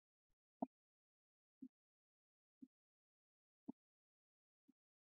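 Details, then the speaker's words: Normal heart sounds S1 and S2: regular, soft low thumps at about 60 a minute; S1 arises from closure of the mitral and tricuspid valves. "میشنویم اسمی که شنیدیم صدای اول قلبی صدای کدام اس ی اس ی زمان ا صدا به وجود میا که مایتر و همچنان تراس وال چی کنه بسته شود"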